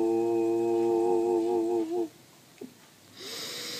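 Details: Weak singing voice in a professional female singer with left vocal cord palsy; voice declined in 2017, recorded in the uncertain early months after diagnosis.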